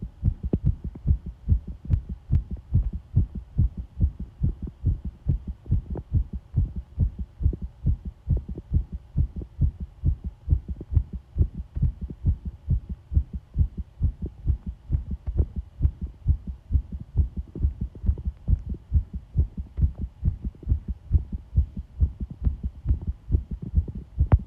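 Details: Heartbeat recorded with pressure applied (pressure heartbeat sound): steady, regular low heart thumps heard close up against a faint hum; heart sounds.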